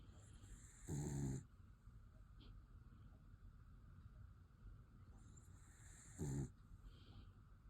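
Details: Black miniature dachshund named Bailey snoring while dreaming at bedtime.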